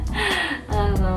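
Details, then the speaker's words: Newborn girl, about 3 weeks old, born by emergency caesarean, lying down: brief, abrupt breathy catches of ordinary infant hiccups. "hear her cute hiccups."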